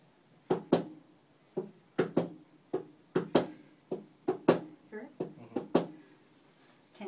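Slow heart sounds in three-beat groups, with a soft extra sound just before the first sound: an S4 gallop.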